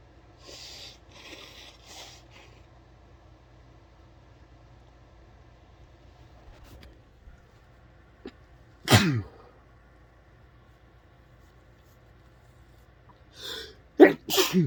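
Quiet room with a sharp sneeze burst, then a brief snort and a couple of forceful sneezes near the end; ordinary sneezing.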